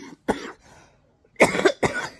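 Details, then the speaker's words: Adult, around 9:30 a.m.: three harsh, separate hacking coughs, the last two close together. The adult cannot breathe well and has chest pain despite nebulizer use, after four days of illness before an emergency room visit. "by nine Thirty a.m I'm gonna say I was I was still going through this hacking and trying to breathe and trying to get hearing and my chest hurts"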